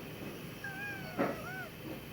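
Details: Wheezing in a COPD patient with an acute exacerbation, breathing in and out deeply on instruction: high, musical whistling tones rising and falling through the breath from narrowed airways.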